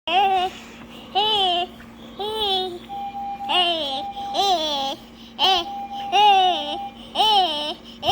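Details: Child with tracheostomy; Vocalization with inflated tracheostomy cuff.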